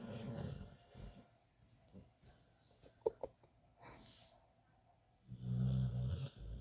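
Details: Snoring recorded 1 July 2022: deep, low, rattling snores at the start and end, with quieter breathing and a few faint clicks between.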